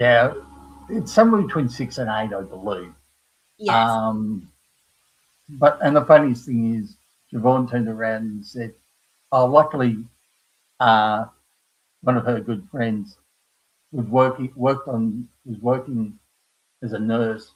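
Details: Aphasia in an adult man after a stroke at age 58 caused by a blood clot from the heart, following a severe heart attack and quadruple bypass; he knows what he wants to say but cannot find the words.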